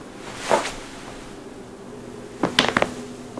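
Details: Joint cracking from a compilation of knuckles, necks, toes, backs, wrists and ankles: a single sharp pop, then a quick cluster of cracking pops in a quiet room, harmless cavitation.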